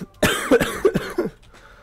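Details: Adult with voice completely gone: a short run of four quick cough bursts in under two seconds, then quiet room noise; a plain cough.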